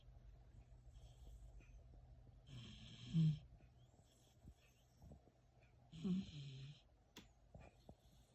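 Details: Sleeping shepsky puppy snoring peacefully: two soft, low snoring breaths with a faint whistle on each, over quiet room noise.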